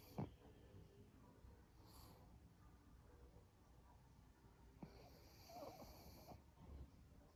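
Low rattling snores and snorty breaths from a sleeping flat-faced dog, with a faint whistling edge on some breaths.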